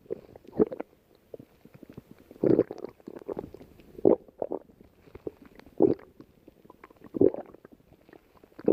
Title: Lay Down And Watches her stomach growling